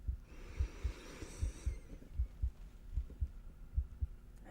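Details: Simulated ENT exam role-play, chest auscultation during deep breathing: soft, steady paired heartbeat thumps about 78 per minute with a brief breathy hiss early on.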